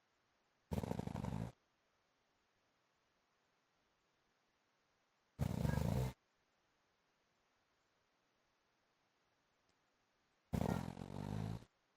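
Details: Adult man (husband) snoring during sleep: three loud, rattling, engine-like snores likened to a motorbike, each under a second and about five seconds apart, with quiet between; heavy snoring.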